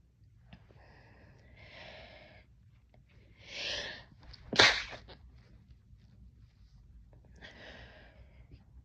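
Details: Quiet in-breaths build to a loud, sharp expulsive burst, then breathing settles: a single sneeze.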